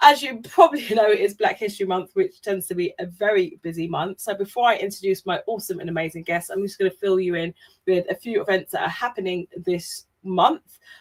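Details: Adult woman speaking; ordinary speech.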